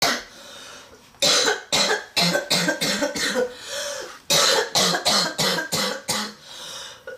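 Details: Coughing fit in a girl with a severe respiratory condition (tagged smoker's cough, bronchitis, wheezing): two rapid runs of about fifteen harsh coughs separated by a strained, noisy indrawn breath.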